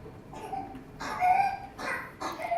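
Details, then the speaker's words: Young infant girl with pertussis struggling to breathe and cough: strained, loud, high-pitched inspiratory crowing between coughing efforts, the characteristic whoop of whooping cough. "that loud inspiratory is what is the whoop and characteristic of it but you can see how much she's actually struggling to actually breathe and to try and cough but that inspiratory loud is the whoop that you'll hear"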